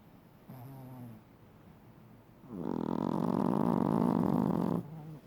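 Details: Chihuahua dog snoring loudly during sleep.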